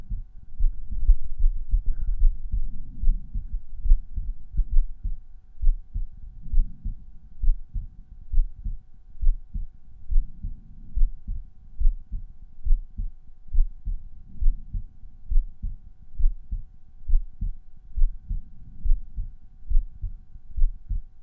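Regular low heartbeats, about 68 a minute, at the pulmonary listening point; normal resting heart sounds.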